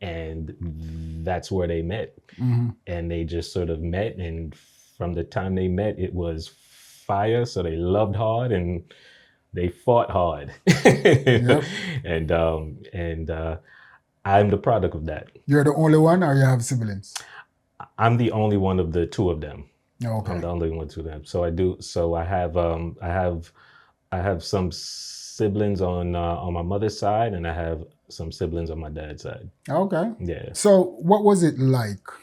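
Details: Adult man who has stuttered since age three, onset after a bad dream; audible word repetitions; stuttering.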